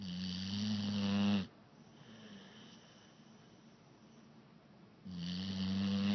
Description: Pitbull snoring louder than grandma!